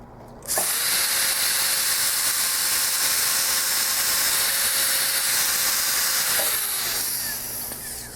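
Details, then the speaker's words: Implant osteotomy drill in a teaching model during a hammerless crestal sinus lift (Blue Sky Bio kit), drilling toward 10 mm depth with stops; steady high-pitched whine about six seconds, then winding down. "have performed the osteotomy we're going to check our depth and we're still shy of our 10 millimeter staff in place"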